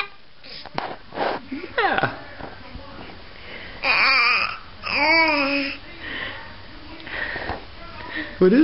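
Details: Male infant who had been chatty babbles, then breaks into two wailing cry bursts, with soft room noise; infant crying.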